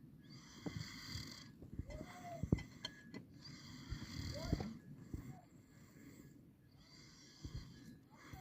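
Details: Sleeping outdoors in the mountains, snoring: soft, rough snoring breaths under outdoor background noise with scattered knocks and rustling; snoring.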